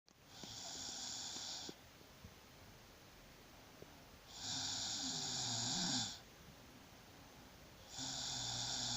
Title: My snore ♥